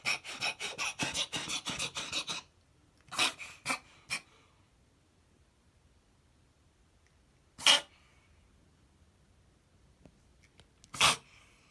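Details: A cat gives a rapid run of harsh snorting inhalations, then a few isolated snorts, occurring once or twice weekly and first thought to be hairball coughing: reverse sneezing.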